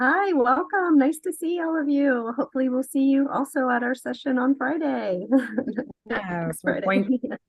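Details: Adult woman speaking; normal voice.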